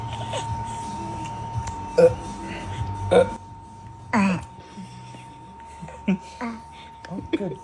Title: Baby hiccups 🥰🥰 #baby #funny #funnybaby #cute #cutebaby #babylove #babiesoftiktok #hiccup